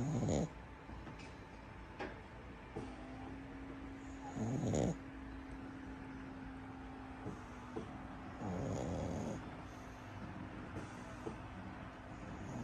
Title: 巴哥狗抱小巴哥娃娃睡覺到打鼾！Cute pug dog sleeps to snoring with doll ！巴哥狗！